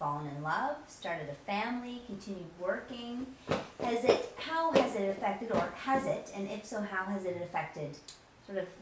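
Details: Adult woman speaking; normal speech.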